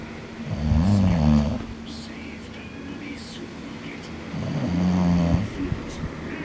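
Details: Sleeping English Bulldog: two loud, deep, rattling snores with quieter breathing between them; snoring.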